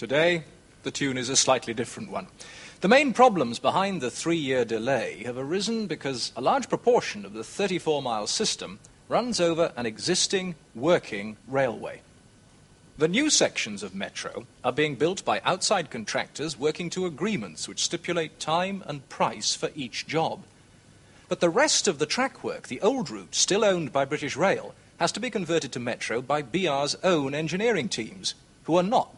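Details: Adult male presenter; normal speech.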